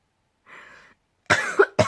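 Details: A faint breath in, then two sharp, harsh cough bursts from an ill person who says they have been in bed all day and only just went downstairs.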